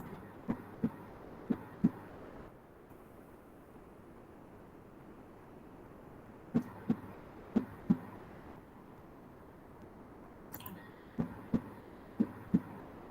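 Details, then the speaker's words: Phonocardiogram recording played in a lecture: paired lub-dub heart sounds about once a second with brief silent gaps. Normal S1 from AV valve closure and S2 from semilunar valve closure. "you may be hearing loop, loop, loop, loop type of sound. In each cycle, there are two, you can say, sounds coming. The two sounds corresponds to, the first sound corresponds to the closure of the AV valves."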